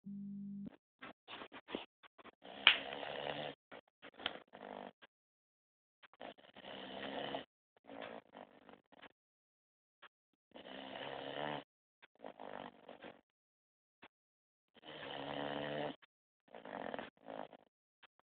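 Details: A Rhodesian Ridgeback puppy snoring in sleep: quiet rasping breath sounds in repeated bursts with short pauses between them.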